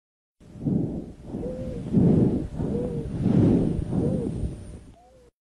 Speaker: as you can hear it's described as a high-pitched musical flute located throughout the entire lung but key term here it's heard mainly on exhalation or basically breathing out